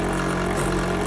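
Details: Portable suction machine running: loud, steady, engine-like motor drone; these units are noisy but suction well.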